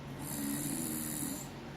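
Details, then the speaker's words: One rough, rasping snore under two seconds with a faint hiss behind, deliberately produced during a home test of a snoring-detection prototype with air-conditioner background noise; a single snore. "Okay, and now I'm start snoring. Okay. Now we can see that the algorithm can clean the air conditioner sound"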